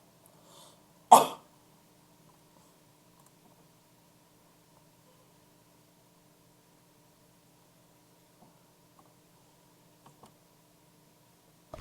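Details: A single short, sharp cough early on, then near silence with faint room hum and a few small clicks; cough.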